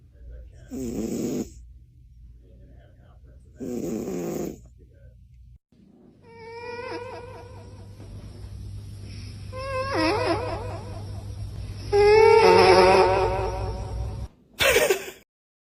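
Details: Kitten in deep sleep snoring loudly like a grown man: loud, rough snoring breaths with a steady hum and other room sounds.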